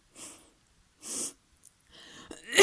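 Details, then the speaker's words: Simulated female sneezing roleplay with a feather tickling the nose: two short breathy bursts, then a rising noisy release like a sneeze building and going off. "What are you doing with that feather? You want to tickle my nose with it? Why? You enjoy letting people sneeze?"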